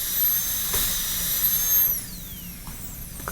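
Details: High-speed dental drill during a training class preparing class II cavities on maxillary premolars: shrill whine while cutting, then falling in pitch as it spins down.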